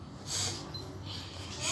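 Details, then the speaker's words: A child imitates how to sneeze, demonstrating covering it to avoid spreading viruses: a sharp breathy hiss burst, then a second softer puff of air; simulated sneeze. "kalau bersin kayak gini guys. Gitu ya, jangan dibuka ya, nanti virusnya kemana-mana."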